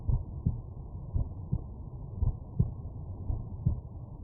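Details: Normal heart sounds through a stethoscope over the mitral valve area, subject lying on right side: muffled regular lub-dub at about 56 beats a minute over a steady low background rumble.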